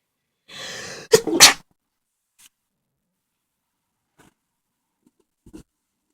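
A breathy, noisy build-up followed by two sharp explosive sneezes in quick succession, then quiet with faint sniffs; sneezing with a cold.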